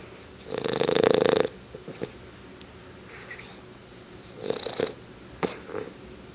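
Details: Sleeping English Bulldog snoring, reportedly louder than his owner and growing in volume and intensity daily: one raspy, buzzing snore followed by softer snuffling breath sounds.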